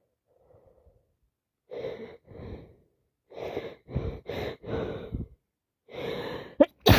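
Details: A rapid run of short, forceful, wet sneezes in quick succession, with a faint breath before them, from an adult with a bad head cold, recorded in real time: repeated sneezing.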